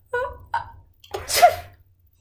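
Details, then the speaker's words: Two short 'ah' intakes, then an explosive 'choo' burst: a single acted sneeze, demonstrating for children how to catch a sneeze or cough as hygiene teaching. "hey have you ever gotten that tickle in your nose it just"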